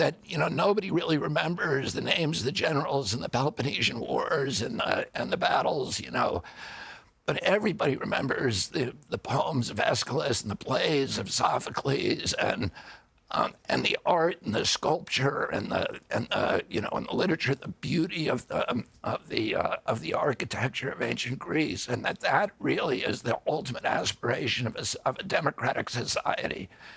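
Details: Adult man with spasmodic dysphonia (which he calls spasmodic dystonia), a neurological disorder that began after a 1996 injury at age 42 and makes his vocal cords tighten constantly; surgery in Kyoto about eight months earlier made his voice more reliable.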